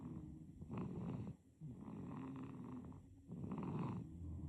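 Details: Quiet snoring from a sleeping baby: soft, rattly snuffling breaths in a rhythmic pattern.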